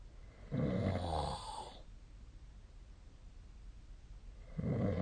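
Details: Snoring during sleep: one low, rumbling snore, a quiet pause, then the start of the next, over faint background hiss.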